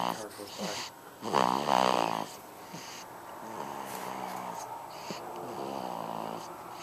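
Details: Infant boy born March 5, 2012, about four weeks old, snoring loudly while asleep: loud, irregular, tonal snores with a strong early grunting burst, then steadier snores; infant snoring.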